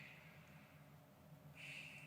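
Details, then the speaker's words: Two soft, slow deep breaths with quiet airflow in and out and no wheeze or rattle, taken on request while a nurse practitioner auscultates the lungs with the stethoscope on one side, then the other; normal deep breathing. "Can you take a deep breath for me? And let it out. Again. One more time. Thank you. And let's do this side. Deep breath."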